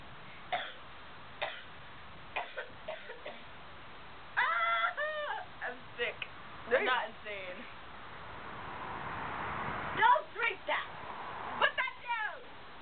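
Several short, sharp coughs from an adult woman, with voiced straining sounds, a cough from illness.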